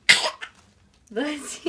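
A single sharp, hissing burst of an infant's sneeze, followed after a pause by an adult's brief spoken response.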